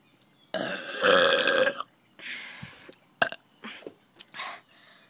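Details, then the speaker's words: One long, loud, rumbling burp followed by several shorter belches and small gulping sounds, deliberately produced by swallowing air and drinking 7 Up; burping. "I'm going to do a huge burp uh let's get on to it now I'm going to save some air you know put some air on my stomach then I'm going to drink this it's going to be a mean one"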